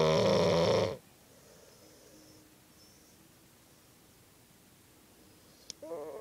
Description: Cone-headed Cocker Spaniel snores like buzz saw.